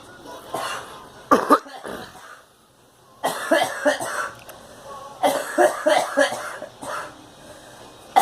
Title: Girl coughing